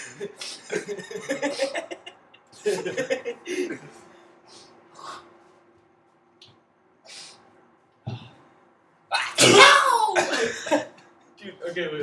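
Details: Several bursts of voiced sound amid talk and laughter, ending in one loud, forceful sneeze from a young man deliberately provoking sneezing with a tissue (kleenex); induced sneeze.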